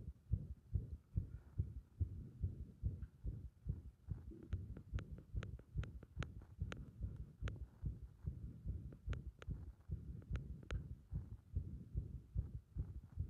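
Fast, uneven low heartbeats with some sharp clicks partway through; an irregular rhythm, an arrhythmia.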